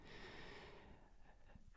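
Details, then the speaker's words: Snoring from a dog lying next to a whispering narrator during a quiet recording. "Sorry if you can hear snoring, by the way. There's a snoring dog next to me, which is, not ideal, but we move."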